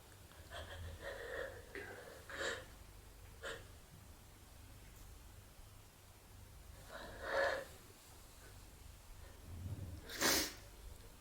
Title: my friend and i are hiding (holdback sneezes)